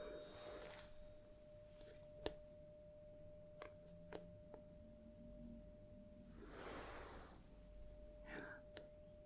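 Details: Simulated medical exam (ASMR role-play): struck tuning fork tone for a Rinne hearing test, held on the bony mastoid process behind the ear, then in front of the ear, until no longer heard.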